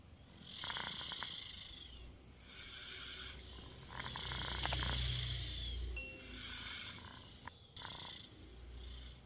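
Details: 2-year-old child snoring during sleep: rhythmic rattling snores with each breath over low background noise.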